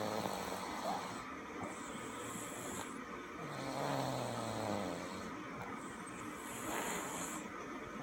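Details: Person snoring in sleep before surgery: slow rumbling breaths with a low fluttering snore on the inhale, over steady background noise.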